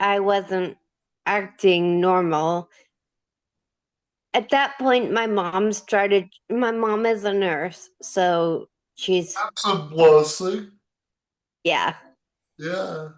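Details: Ataxic dysarthria with slurred speech in a 37-year-old woman with degenerative Friedreich's ataxia, diagnosed at 21. She uses a motorized wheelchair and can no longer walk.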